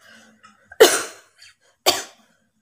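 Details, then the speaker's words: Voluntary cough recorded for a coughing challenge: two short, deliberate dry coughs in a quiet room, made on purpose, not from illness. "আমি কাশি ভিডিও বানাচ্ছি most request কাশির challenging video"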